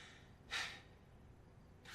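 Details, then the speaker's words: A sudden sharp snort-like burst of breath alone in a pause, from an adult with Tourette syndrome in a dramatized film scene; acted vocal tic. "I'd keep barking, and I wasn't quitting until I found that principal."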